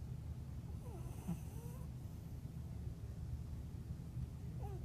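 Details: A sleeping cat gives a low, steady rumbling snore with soft snorting breaths, and a faint squeak or two in the background.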